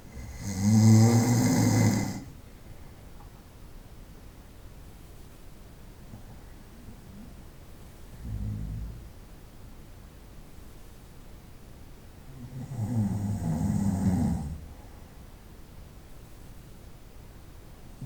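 Deep, rumbling snores on inhalation with long quiet pauses between them, plus a softer snore in the middle. Night-time snoring.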